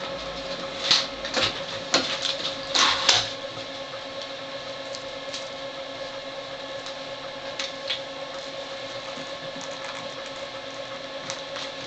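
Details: NxStage dialysis machine setup: clicks, snaps and handling noises over a steady machine hum while loading the disposable cartridge, hanging the saline bag and starting priming.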